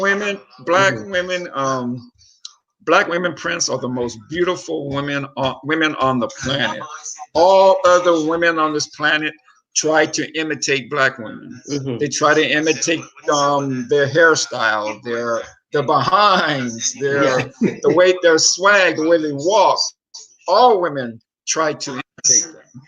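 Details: Adult speaker, likely male; ordinary conversational speech.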